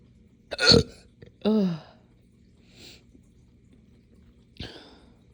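Short voiced gulping sounds, a couple drawn out like small belches, repeating irregularly: hiccups mixed with burping.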